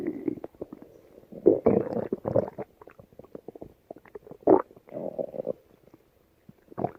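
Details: Female stomach growling: irregular low gurgles and rumbling bursts from the belly; ordinary borborygmi.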